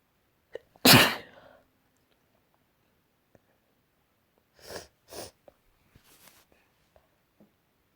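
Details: Morning sneezes in a quiet room: one loud, explosive sneeze, then two smaller sneezes a few seconds later.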